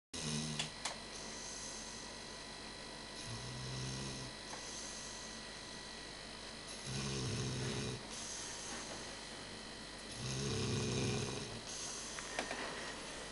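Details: Repeated low rattling snores about every three to four seconds over a steady room hum from a sleeping Labrador dog; ordinary sleep snoring, said to be rare for him.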